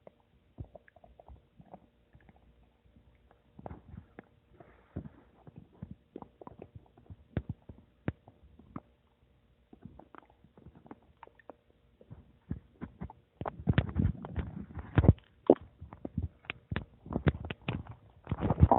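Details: Stomach rumbling (borborygmi) recorded from own belly: irregular gurgles, pops and squelches growing louder and busier toward the end; normal digestive sound.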